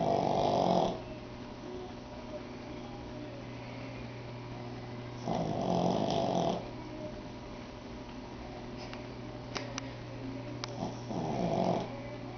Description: Our Pug Wilmont (8 months old) I swear can out snore any man/woman, boyfriend/girlfriend, husband/wife around. The longer he goes, the louder he gets.